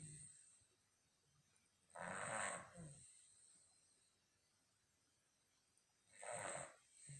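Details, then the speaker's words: Sleeping dog snoring: two snorting snores about four seconds apart, with a faint high whine and quiet between them. "Buster, Buster, Buster. Snoring, you're snoring."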